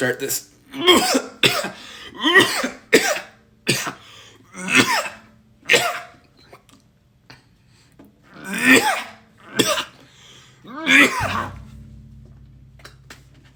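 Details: Cough of unknown cause while playing cello: a run of about ten harsh, voiced coughs in quick succession, a coughing fit.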